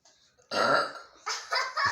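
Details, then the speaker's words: Friends deliberately burping after drinking Mountain Dew soda: one long, loud voiced belch then shorter belches with a brief laugh; voluntary burping. "okay start drinking your thing and start burping ready set go nice"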